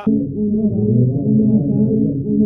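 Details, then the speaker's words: Hearing loss simulation: headphones electronically simulate how a person with a hearing disability perceives sound. "adesso ti mettiamo questi cuffie qua simulano elettronicamente la percezione di una persona con disabilità uditiva"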